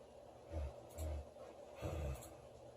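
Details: Loud snoring from a sleeping girl: short, deep, fluttering snorts in bursts over a few seconds, with low room noise.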